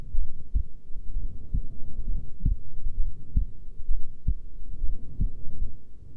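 Steady low thumping heartbeats at about 66 a minute, with muffled background rumble; a resting heart rate.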